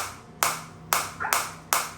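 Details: Four sharp, snapping pulses about 0.4 seconds apart from a Biotronix focused (not radial) shockwave therapy device firing against the hand, with frequency and intensity being adjusted.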